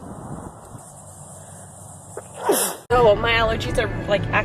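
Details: Allergy sneezing outdoors: a sneeze preceded by a rising breath, followed by loud voiced exclamation, with outdoor background noise.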